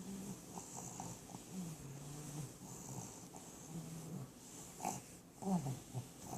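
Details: Rough, low rattling snores with snorting breaths over several cycles, from a sleeper snoring with eyes open; some room noise.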